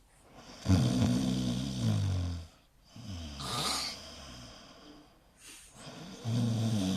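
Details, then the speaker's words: Adult delivery rider asleep in a stuffy basement room snoring loudly: rough, low-pitched rattling breaths in an uneven rhythm with snorting catches; loud snoring. "给大家听听啊，隔壁睡觉打呼有多响，我带大家去看一下。"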